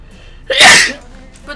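A single sharp, explosive sneeze from an adult, with a quick breath-in leading straight into the burst.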